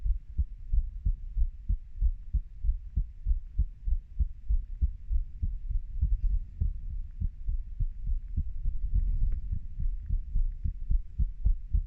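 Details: Own heartbeat of a 30-year-old: steady low lub-dub double thumps at roughly 100 beats a minute with faint background hiss; normal heart sounds.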